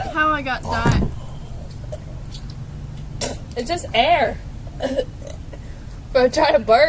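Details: Girl burping deliberately: several loud, drawn-out burps, some pitched and gurgling, mixed with talking and laughter in a quiet room.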